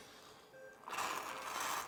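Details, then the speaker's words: Simulated secretion-suctioning demonstration: suction catheter tested by aspirating saline from a sterile kidney dish at 100 working pressure, a steady airy hiss for about a second ending in a brief wet slurp. "realmente succiona siento observó como succionar agua y veo que la presión se mantiene en 100 por lo tanto sí es seguro hacer el procedimiento ahora listo"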